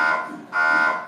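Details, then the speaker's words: Steady high electronic tone from an MRI scanner, briefly dipping then resuming, played in a graduate MRI lecture. The tone reflects the TR (repetition rate), and the dips come from magnetization-prep pauses; MRI pulse sequence tone. "but what you heard is like right so the ah that tone comes from the tr like how fast these are happening and then mac prep mag prep like breath and that's why it sounded like that"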